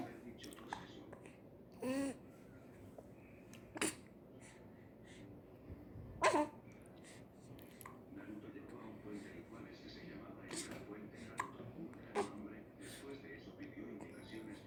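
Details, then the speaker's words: A one-month-old baby with hiccups: brief sharp catches repeating at irregular intervals, roughly every two seconds, over quiet room noise; hiccups. "You want hiccups to go away? Tell them go away. Say go away, hiccups."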